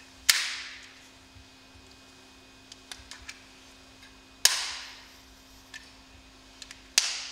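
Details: Respimat soft mist inhaler priming before first use, whole process repeated three more times; sharp clicks and brief sprays as it is turned, opened and fired.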